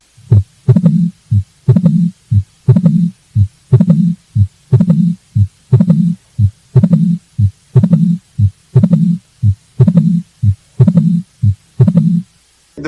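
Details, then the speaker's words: Regular low heart sounds near 60 a minute with an opening snap and rumbling diastolic murmur, with late diastolic crescendo from atrial contraction before S1; mitral stenosis murmur. "active left ventricular filling occurs when left atrium contracts and forces more blood through the stenos mitral valve creating a late diastolic crescendo murmur"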